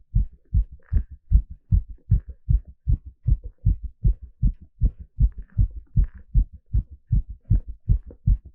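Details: Fast, steady heartbeat at about 150 beats per minute, recorded live during an ECG exercise stress test: normal heart sounds sped up by exercise.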